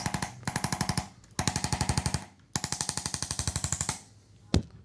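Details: Rapid bursts of sharp mechanical clicks, about four per second, in three runs, then a single crack: a chiropractic adjusting instrument firing on a seated Texas A&M college running back at the end of his adjustment.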